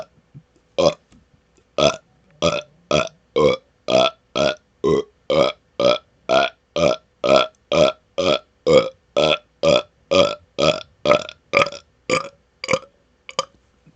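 Rapid run of about 25 loud, evenly spaced burps, roughly two per second; repeated belching.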